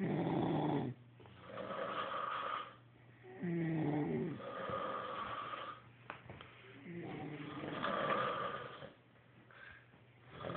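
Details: Snoring recorded on an Android phone: loud, rattling snores with quieter breaths between, about 18 breaths a minute.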